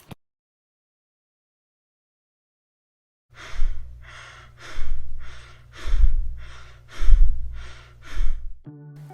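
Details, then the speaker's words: Example of tachypnea in an adult, respiratory rate above 20 breaths a minute: fast, shallow breathing at a clearly raised rate. "dessa forma quando temos uma frequência respiratória superior ao normal ou seja maior que 20 incursões por minuto em um adulto nós somos e taquipneia"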